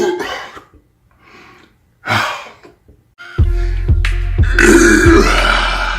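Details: Several loud, drawn-out belches, with music coming in partway through; burping.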